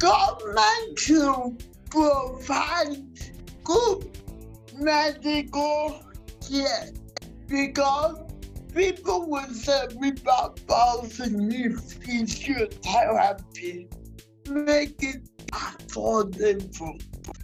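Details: Dysarthria in a 47-year-old woman with cerebral palsy since birth, which presents through uncoordinated speech.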